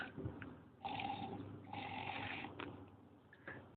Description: We got to see this adorable snoring pig at the Wales Ape and Monkey Sanctuary in Abercrave, South Wales.